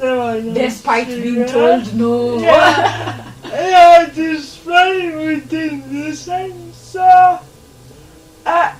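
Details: 26-year-old woman with lifelong cerebral palsy who began talking much later than other children; real, not acted; dysarthria in cerebral palsy.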